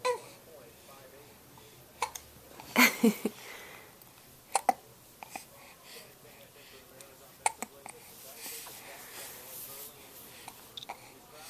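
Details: An infant lounging while the TV is on has hiccups: about seven sharp, short hiccups over eleven seconds, with soft babbling and quiet room sound.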